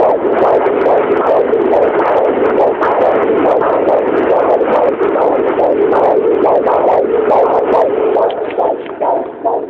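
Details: Fetal heartbeat picked up by a handheld Doppler: fast, steady whooshing pulses at about 140 a minute.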